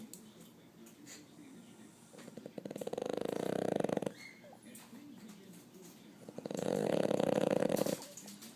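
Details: Snoring loudly in her sleep: two long, fluttering, rattly snores, each about two seconds, separated by quieter breathing.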